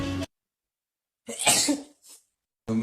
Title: sneezing. .😅💜#viral #subscribe